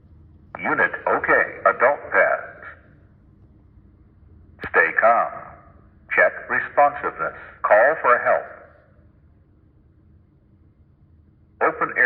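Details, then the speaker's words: Synthetic voice prompts from a ZOLL AED Plus defibrillator switched on in a training demonstration, short phrases with pauses (airway, check breathing, attach pads to bare chest), halting until pads placed; AED voice prompts. "airway check breathing attach deferred pads to patients per chest so the machine will go no further until we place the pads onto the bare chest of the casualty"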